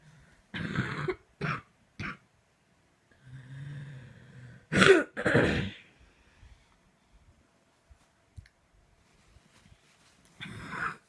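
Repeated coughs in clusters with a drawn-in, strained breath between them, then a final cough; a prolonged coughing fit.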